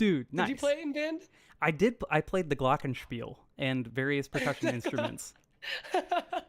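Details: Adult speaker; normal voice.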